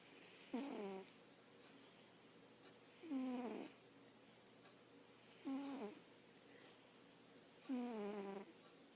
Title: Snoring cat- turn volume up high to listen